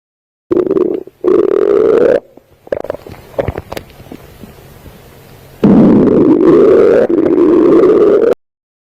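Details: Stomach growling: loud, prolonged gurgling growls with a rumbling pause between; ordinary borborygmi.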